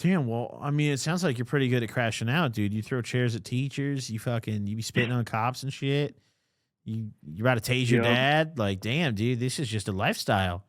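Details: Adult male speaker; Normal speech.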